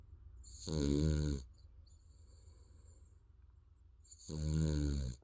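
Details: Sleeping baby snoring: two long, low, rumbling snores with a quiet pause between them.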